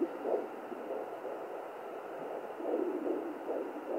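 Rhythmic whooshing pulses through a handheld doppler, the mother's own pulse rather than the baby's heartbeat.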